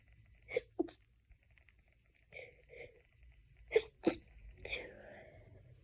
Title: stiffled sneezing fit edit loop 5 ½ minutes. #sneezingfit #stiffled #sneezing #achoo